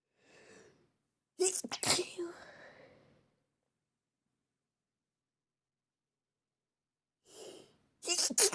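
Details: Female deliberately stifling sneezes: a quiet inhale, then held-back stifled sneezes, a pause, another inhale and a further muffled sneeze; stifled sneezing.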